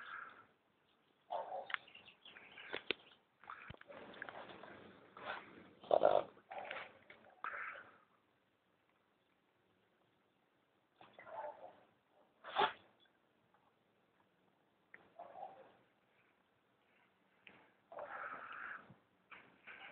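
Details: A Boston Terrier, Sparky, gives repeated harsh snorts and sharp sneezes after running through weeds and brush, trying to clear nasal irritation; owner suspects hayfever; snorting and sneezing.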